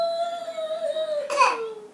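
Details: A young child copying her parents' sneeze: a single drawn-out, high, steady wail that falls slightly in pitch and ends in a brief strained burst, a mock sneeze that sounds like crying.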